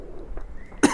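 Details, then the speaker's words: Gamer with a cough persisting about a month since a cold, under medical treatment; quiet room noise then a single sharp cough burst cut off at the end; persistent cough. "I'm going to do it for this cuz I think it's just I know I'm going to be coughing a lot during the cut scene, so whatever."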